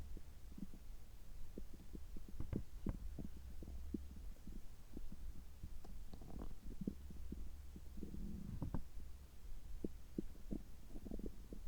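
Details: Abdominal sounds recorded just after a checkup gastroscopy, with normal results; frequent soft gurgles, pops and rumbles over a low steady hum, ordinary active bowel sounds.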